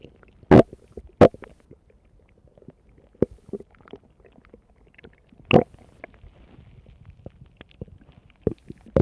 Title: Lupi's tummy stomach growl in 2 minutes a 45 seconds